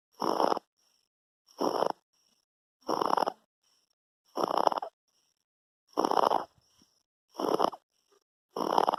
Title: 2 month baby snoring, laryngomalacia